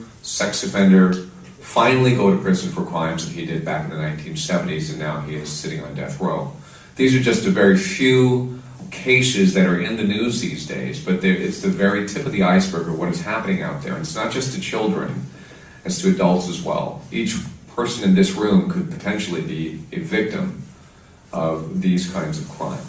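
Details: Adult male speaker; normal speech.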